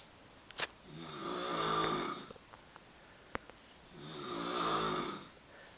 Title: loudest snore ever